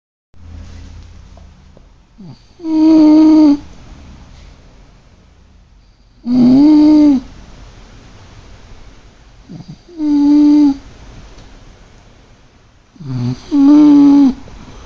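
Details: Snoring in sleep: loud, strongly voiced buzzing snores on each breath in, about four in fifteen seconds, with quiet breathing between; heavy snoring.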